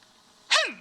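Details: Acted, simulated sneeze by the Sesame Street puppet character Grover: a single sharp, high, voiced sneeze burst that falls in pitch, followed by an apology and advice to cover nose and mouth.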